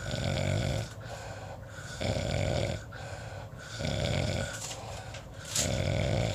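Loud, rough, low snores on the in-breaths, alternating with quieter out-breaths, about three breaths in six seconds, roughly 17 a minute.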